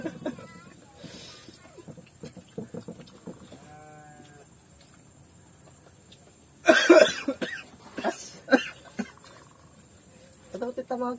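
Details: Coughing while eating rujak made with cashew fruit (jambu mete): a loud burst of several harsh coughs midway, then a few single coughs, with quiet mouth noises around them.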